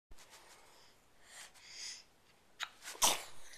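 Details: Baby boy about nine and a half months old, recorded with a Flip Video camera: quiet room noise and soft breathy sounds, then two small, sharp sneezes near the end; brief ordinary sneezing.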